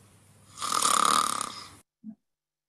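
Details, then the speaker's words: Real-time human snoring sound played in a snoring-detection demo of a low-power neuromorphic processor. "And we also apply that to a snoring detection demo to detect the human snoring. And on the left-hand side is a real-time snoring sound."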